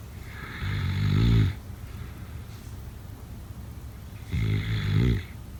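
Two loud, rattling inhaled snores about three seconds apart, with quiet breathing between; ordinary snoring during sleep.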